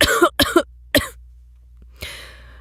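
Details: Acted cough by a voice actor reacting to a nasty smell: three short, harsh cough bursts followed by a sniff; simulated cough.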